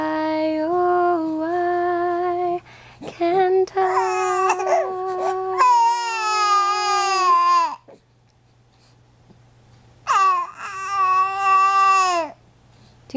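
Sustained, high-pitched wailing cries with pauses between bouts; an infant crying.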